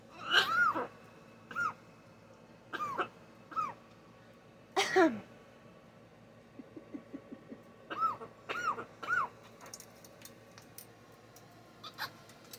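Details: Macaw gives a series of short raspy cough-like bursts, some with a squawky tonal edge; owner wondered if she was sick; cough-like vocalization.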